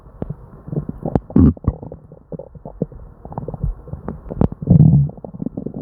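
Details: Hyperactive bowel sounds from an upset stomach during diarrhea: frequent gurgling, bubbling abdominal rumbles with barely a pause, nearly non-stop.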